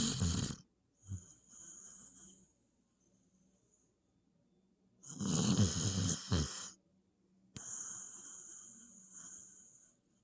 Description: Angels do snore / #dog #snore #puppy #cute